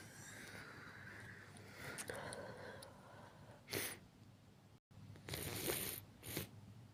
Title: [男性向け] (くしゃみ) sneeze